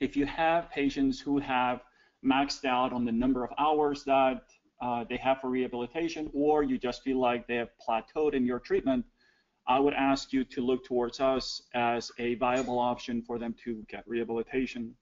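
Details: Adult male speaker; normal speech.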